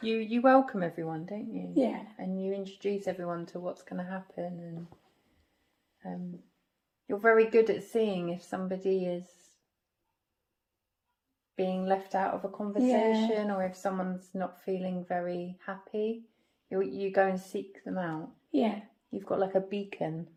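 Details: Adult woman speaking; normal speech.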